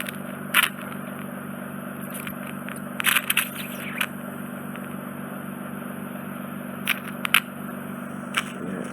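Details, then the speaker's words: Ear wax microsuction in a woman with inflamed, tympanosclerotic eardrum, canal wet from ear drops: constant suction hiss broken by crackling, slurping bursts as wet wax is drawn into the probe. "No, we'll let these drops, I'll just try and vacuum the wet down skin that you've got. Okay. Probably very noisy to vacuum skin, so I'll leave that because it'll be too noisy for you."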